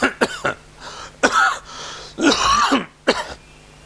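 An adult imitates a harsh, throaty cough in short bursts, with noisy indrawn breaths between them: a cough brought on by breathing in.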